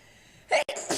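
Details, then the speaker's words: Person with a sneezing fit of about 14–15 sneezes, which makes them dizzy. Heard here: a single brief, sharp sneeze burst in a quiet room. "seriously can't stop sneezing I was like 15 times now 15 or 14 I really want to keep track"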